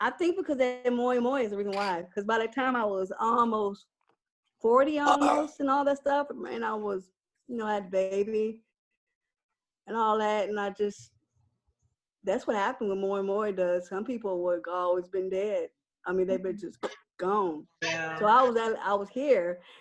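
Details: Woman with aphasia after a stroke, with paraphasic, broken sentences; post-stroke aphasia.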